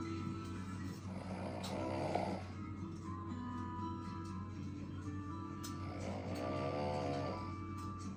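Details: Noodle sleeping and snoring: soft, rattling sleep breaths over background music.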